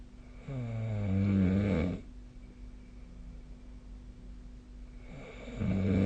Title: 🐽 いびきの音 / Snoring Sleep Sound 2025/05/16